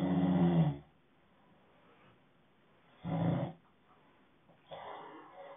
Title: Snoring ASMR